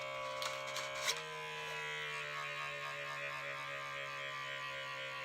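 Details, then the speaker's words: Lifewise talking wrist blood pressure monitor while the user deliberately shakes their hand during measurement, so it over-inflates and flags motion: a brief click, then a steady droning pump hum as the cuff tightens. "gonna pop oh my god that was scary I thought it's gonna pop"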